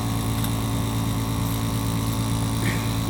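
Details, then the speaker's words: Nebulizer compressor plugged in and switched on for a cat nebulizer treatment, mist delivered into an enclosure with kittens; steady mechanical droning hum of the compressor with faint room noise. "e the tube goes to the actual of nebulizer which is plugged in here and I'm going to turn it on it's plugged in"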